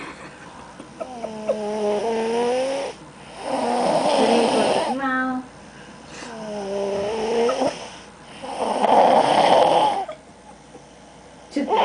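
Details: Loud rhythmic snoring at about 12 breaths a minute: a buzzing, rattly sound on breathing in, alternating with a rough, noisy breath out.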